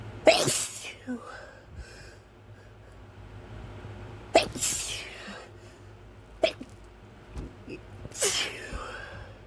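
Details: Three forceful sneezes and a short sharp burst within about nine seconds, quiet breaths between, triggered by something stuck in the nose that tickles; sneezing.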